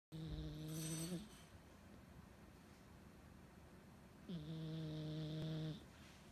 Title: Millie's Snores & Twitches